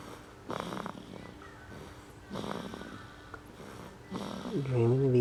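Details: An almost 6-week-old baby sleeping and snoring, possibly dreaming of eating: soft, irregular snorting breaths with faint sucking and murmuring sounds; light infant snoring.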